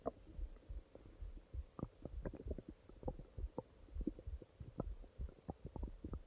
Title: Урчание живота ночью (часть 2) stomach growling